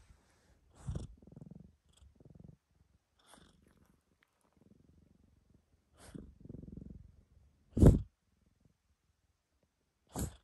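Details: Soft purring from a black cat, broken by a few short, sharp sneezes.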